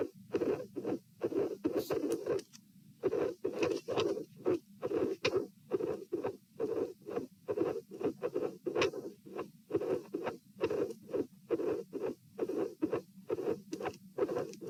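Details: Heart sounds recorded at position P in a patient with dilated aortic root during a stress test (lying, sitting, standing): irregular rhythm at 66–72 bpm, midsystolic murmurs, cyclic extra sound near S2.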